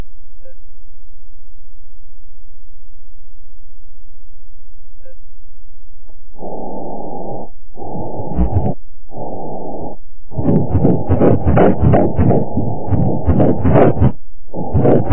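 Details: Pregnancy at 11 weeks 5 days, ultrasound scan (small contraction noted): fast, regular whooshing pulses from an ultrasound Doppler, about 160 a minute, the fetal heartbeat.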